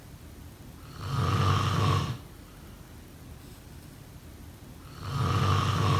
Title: Snoring sounds..